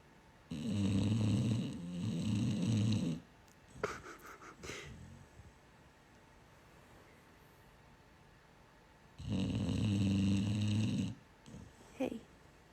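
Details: Female dog asleep, whose owner says she snores like this all night long: two long, loud, rattling snores several seconds apart, with quiet breathing between.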